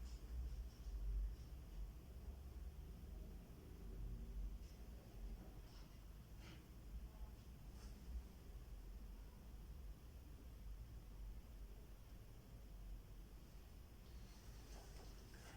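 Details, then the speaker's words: School-age child auscultated at the mitral focus, fifth intercostal space, midclavicular line: soft, low heart sounds, normal first and second heart sounds (S1 and S2). "en este foco se escuchan los ruidos cardíacos principales que corresponden a las historias"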